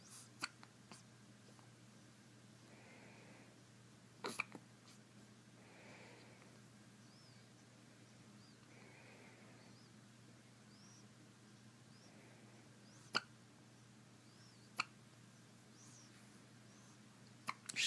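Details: Hiccups in a 5-day-old newborn: about five brief, sharp, click-like catches spread irregularly over eighteen seconds in a quiet room.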